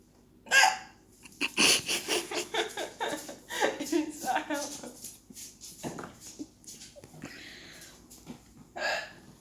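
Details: Unusual-sounding hiccups in a sister: sharp, high, squeaky vocal bursts at irregular intervals among voices and laughter.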